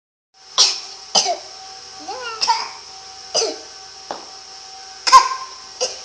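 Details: Imitated cough mimicking another person: about six sharp, high-pitched cough bursts with a brief squeaky voiced sound between them.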